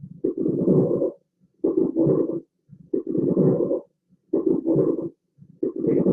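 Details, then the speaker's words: Loud, wet, bubbling coarse crackles through each breath on a simulator, like blowing through a straw into a bottle. These are typical of acute pulmonary edema from acute heart failure with fluid throughout the lungs. "y es como cuando ustedes soplan con una pajita en una botella, sienten ese tipo de burbujeo en la auscultación pulmonar. Eso es característico del edema agudo del pulmón."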